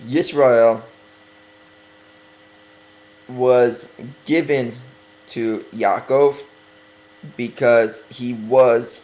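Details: Speaker working on his stuttering, deliberately talking slower to correct it during a religious talk; stuttering.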